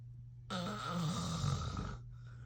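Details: Snoring from the filmer's sleeping father: one long, rough, vibrating breath lasting about a second and a half over steady room hum; a loud snore.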